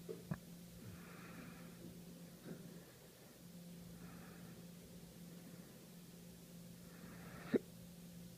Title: 12-2014 with Hiccups